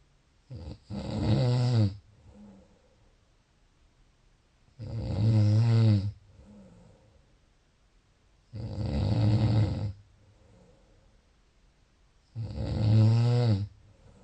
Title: Snoring.30 June